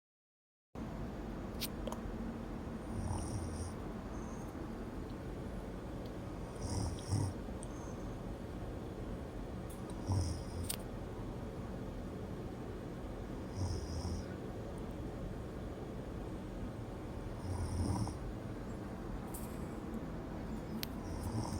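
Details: Adult woman (mother) snoring in sleep: low rumbling, robot-like snores recurring roughly every 3–4 seconds over steady background hum.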